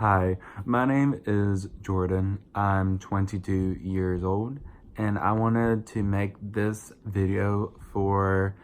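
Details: 22-year-old adult with verbal apraxia, a neurological brain-to-mouth motor planning disorder without muscle weakness; diagnosed as childhood apraxia of speech when young, rediagnosed around age 20; about 8 years of speech therapy; speech sometimes mistaken for an accent; apraxia of speech.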